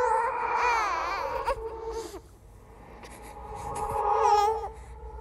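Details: Clip from a horror "ghost baby" sound-effect compilation: high, wavering infant wails in short bursts, an ordinary-sounding baby cry.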